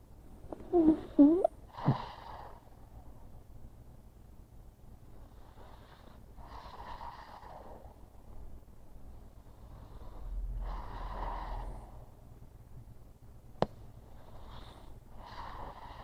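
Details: Sleeping pug with a paw curled under, fast asleep: a few snorts, then soft rasping snores at slow intervals; a short-nosed dog snoring and snorting in sleep.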